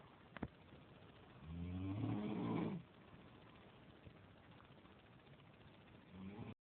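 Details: Adult man (boyfriend) snoring in sleep: a single loud, rattling, low-pitched snore on an in-breath, with quiet breathing and room noise around it.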